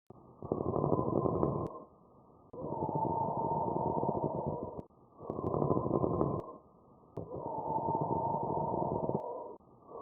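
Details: Pleural friction rub from inflamed pleural layers rubbing together: harsh, low-pitched grating sounds heard on both inspiration and expiration.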